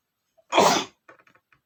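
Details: Adult male gives a single loud explosive sneeze after smelling flowers, first trying to hold it back; faint catch of breath before, soft sniffs and breathy sounds after.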